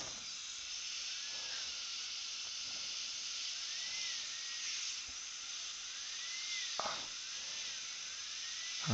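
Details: Steady high-pitched whine and hiss of a dental drill, pitch rising and falling, during microscope-guided work on an external hex implant whose broken, cold-welded abutment screw was removed, while its threads are being cleaned; dental drill.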